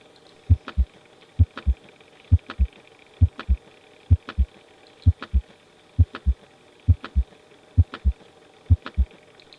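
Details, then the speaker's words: Normal heart sounds in a pediatrics teaching recording: steady lub-dub at about 65 a minute, with clean S1 and S2 heard best with the stethoscope diaphragm and nothing between them. "طب انا عندي الاس 1 والاس 2 بيكونوا هاي بيت ساون يعني صوتهم عالي واسمعهم افضل بواسطه الفرام بتاع السماعه"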